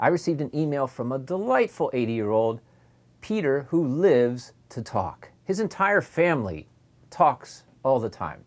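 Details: Adult male speaker; Normal adult speech.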